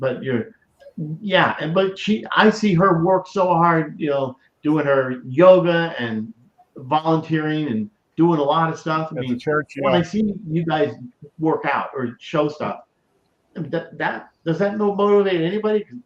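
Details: Stroke survivor with aphasia, improved a great deal over years since starting to host a stroke-awareness show, but still mumbles and forgets things; aphasia.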